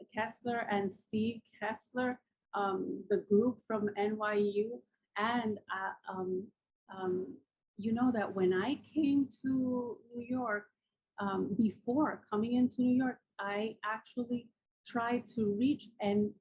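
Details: Adult woman with aphasia after a massive combined ischemic and hemorrhagic stroke 10 years ago, with coma and locked-in state; nearly a year passed before she could speak; writing still impaired; aphasia.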